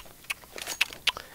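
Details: Male who stutters, making a tongue click he uses to get words out without stuttering; tongue clicking (stuttering secondary behavior).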